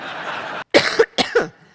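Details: A politician's coughing fit during her keynote speech at the Conservative party conference in Manchester: two harsh, voiced cough bursts after a stretch of crowd noise and applause.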